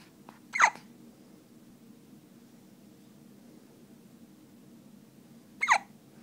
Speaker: got the hiccups, buddy?